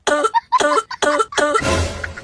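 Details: Acted comedy sketch: adult man who smokes bidis gives a series of quick, forceful coughs in hot weather, followed by a rougher noisy burst.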